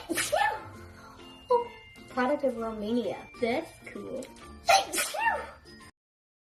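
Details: Several short, sharp sneezes mixed with talk and background music; sneezing.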